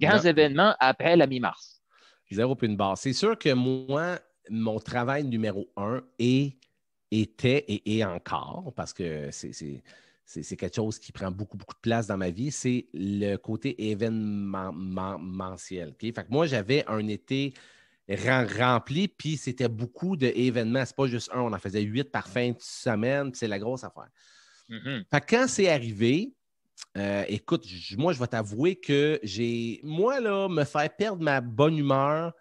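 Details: Stuttering in an adult man who identifies himself as a stutterer and says he stutters quite a lot in real life, becoming more noticeable as an interview goes on; he formerly needed many takes when filming.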